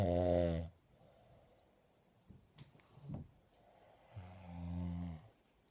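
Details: Sleeping woman gives loud, deep, buzzing snores separated by quiet breathing and small room noises; heavy snoring.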